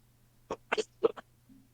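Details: Adult coughing: four short, harsh cough bursts, oddly distorted, over a low steady hum.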